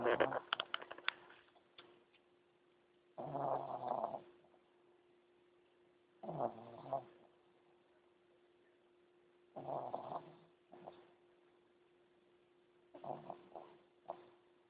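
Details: A sleeping pug with noisy, rough snoring breaths about 18 times a minute over a steady background hum; snoring.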